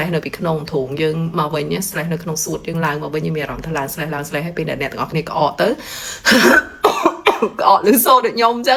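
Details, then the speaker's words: Adult with a cold for several days, phlegm coming up from the lungs, demonstrates the cough: speech, then a run of harsh, loose coughs. Productive (wet) cough. "ប៉ុន្តែវាមានស្លេះនៅពីក្នុងយើងមកវិញស្លេះនៅក្នុងសួតយើងឡើងមកវិញមានអារម្មណ៍ថាឡើងស្លេះស្លហើយហើយពេលដែលអ្នកទាំងអស់គ្នាក្អកទៅក្អកឮសូរដូចខ្ញុំអញ្ចឹង"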